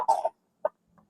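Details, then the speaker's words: Sick chicken, lethargic, beak always open, owner thinks it has cough and cold: a short, harsh cough-like burst, then a brief second sound and a faint third. "Ini kelihatan dia kurang sehat, dia lesu nampak, dan seterusnya dia juga batuk pilek nampaknya."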